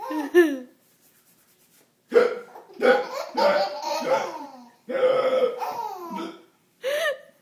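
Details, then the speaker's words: Baby boy laughing at his father's hiccups: bright, bubbling laughter in repeated bursts; the hiccups are not clearly heard. Laughter. "thinks daddy pickups are very funny. How are you ever going to eat if you keep laughing?"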